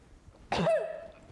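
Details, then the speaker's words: Adult imitating the cough of croup in a child: one harsh, tight barking cough with a brief honking tail, a seal-bark cough. "can you demonstrate C it's more of a bark really a seal bark"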